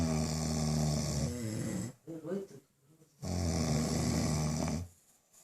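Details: Two men snoring in a small room: long, droning, vibrating snores with a short gap between them.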